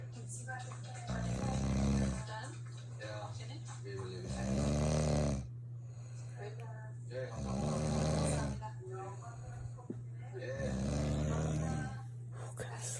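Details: A wife snoring all night: loud, rasping snores on each breath, about 19 a minute, with a steady low hum behind them; heavy snoring.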